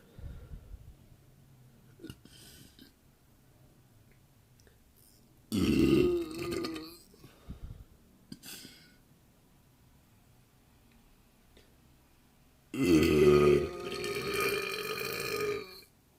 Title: More burps